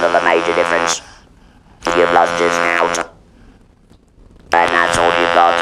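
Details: Man speaking with an electrolarynx after total laryngectomy and radiotherapy for laryngeal squamous cell carcinoma; buzzing artificial-larynx voice; electrolarynx speech after laryngectomy.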